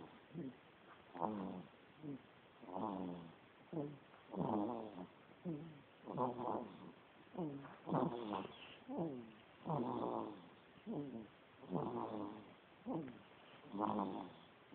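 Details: Morning snoring from a sleeping 'baby' (as described): soft, regular, low fluttering snores on each breath, about 34 a minute; gentle snoring.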